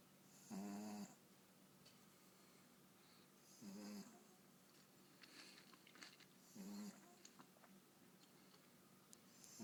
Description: My boxer pup snoring away